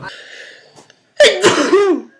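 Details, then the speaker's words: Sneezing compilation clip: a brief voiced lead-in, a pause, then a sudden explosive sneeze with a drawn-out voiced tail. "You've heard my sound of sneezing."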